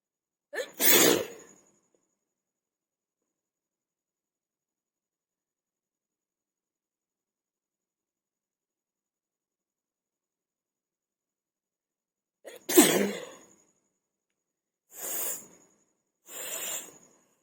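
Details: Person sneezing and blowing nose for a challenge: a forceful sneeze, then after a long pause another sneeze and two shorter nose-blowing bursts, in a quiet room.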